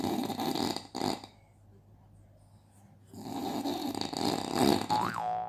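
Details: Baby startled on hearing snoring: loud, rough snoring breaths with quiet pauses between them, then a brief baby sound near the end.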